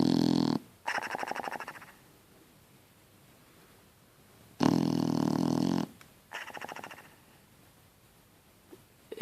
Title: Snoring Shar Pei